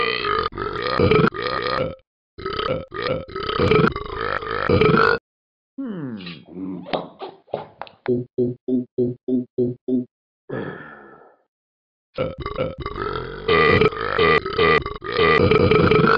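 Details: Burping sounds from the Talking Ben the Dog app: loud, long croaking burps, then a quick run of short belch-like pulses, with music-like sound at the start and end.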